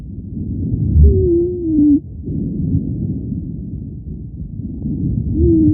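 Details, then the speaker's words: Asthmatic patient's lung sounds recorded with an Eko digital stethoscope: high, musical whistling wheezes during breathing from narrowed airways in asthma. "Echo Health was kind enough to share the sound of an asmatic listen to"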